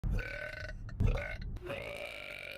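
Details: Burp compilation: two long, low, rumbling voiced belches back to back, then a trailing tonal belch; burping.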